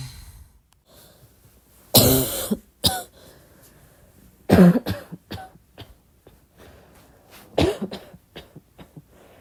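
Irregular coughs in a quiet room, some single, some in short runs, about 23 a minute and fairly subdued. Repeated soft coughing.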